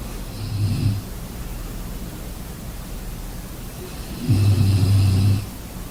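Two deep, low rumbling snores over steady background hiss; snoring during sleep.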